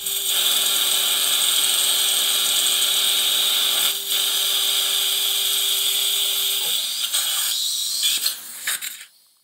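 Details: Dental implant surgery on a 62-year-old man at sites #34, #36 and #37 using a positioning guide: rapid metallic ratchet clicking with a steady high whine as the implant ratchet wrench places a guide pin.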